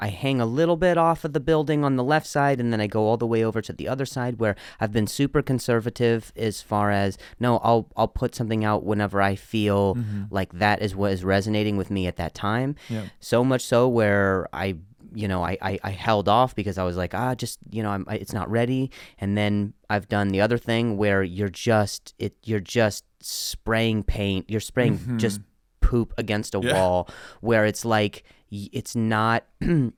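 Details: Stuttering in an adult man, a comedian known for his stutter, speaking on his podcast.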